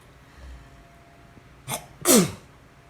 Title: Morning Sneezes